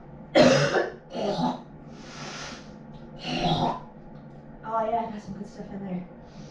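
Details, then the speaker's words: Patient with cystic fibrosis at a three-monthly clinic visit, just after PFT (score 77%), coughing into a sputum cup to bring up thick mucus: three or four harsh productive coughs and throat clearings, then brief speech. "This is my sputum cup. This is where I try to bring up all the gunk and thicken mucus from my lungs, and I put it in the cup."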